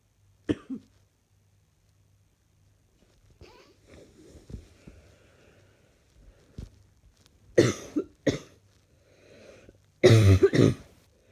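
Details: Several short, harsh coughs, some in quick pairs, with quiet breathing between in a small room, from a person feeling unwell with an ongoing cough; cough.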